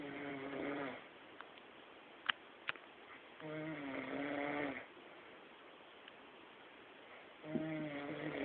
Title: sakhalin snore